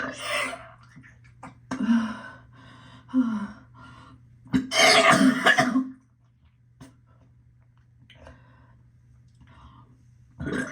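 Harsh throaty retching bursts and belch-like sounds, with throat clearing, fit nauseous gagging and burping.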